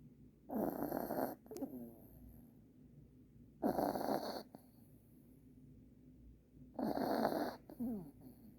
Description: Our new puppy Oliver, snoring in his new Christmas pajamas #dog #dogs #christmas #puppy